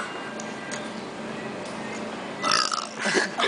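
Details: Burp from a female after drinking a Monster energy drink from a can: after low room noise, a loud, rough, drawn-out belch.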